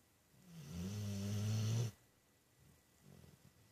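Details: Snoring: a single long, loud, low rumbling snore lasting about a second and a half, then quiet room noise with a softer breath.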